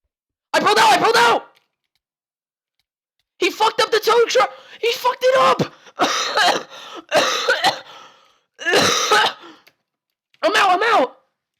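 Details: Adult with the flu gives a series of harsh, rough coughs and throat-clearing bursts.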